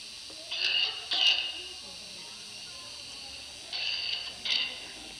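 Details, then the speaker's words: Four thin, hissy cough bursts in two pairs from a child, an obvious wet cough. "Es obvio que el niño tiene una tos húmeda en este caso."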